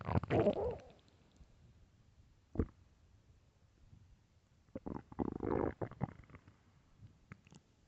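Loud gurgling and rumbling bursts with quiet gaps between them: hunger stomach growls, normal bowel sounds.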